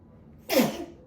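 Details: Young son sneezing during a Pokémon card pack opening: a single abrupt, explosive burst of air followed by a short fading hiss, then "bless you"; he sneezed twice during the recording.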